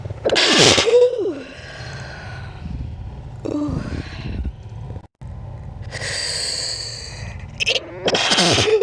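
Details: Sneeze played back slowed down.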